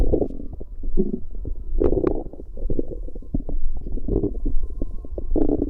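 Continuous bubbling, gurgling rumbles with irregular pops; ordinary active bowel sounds from the abdomen.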